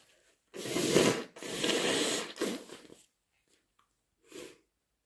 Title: Wet, messy induced sneezes plus blows